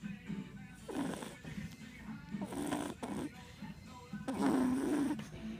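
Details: Repeated rough, rattling snores with faint music behind them; snoring.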